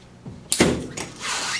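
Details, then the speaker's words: A firm click and clunk with a brief hiss as a standard oxygen flowmeter is pushed firmly and latched into a 50 PSI hospital wall outlet. "What this is going to press against that, and it's going to deliver it into the flow meter. Insert it in, just push it with firmly"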